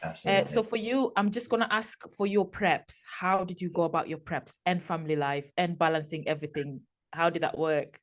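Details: Adult female speaker; normal speech.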